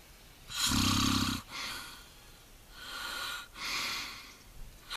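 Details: Adult man who fell asleep at lunch at work, snoring: a loud, harsh snore with a low rattling tone on the in-breath, followed by softer noisy breaths.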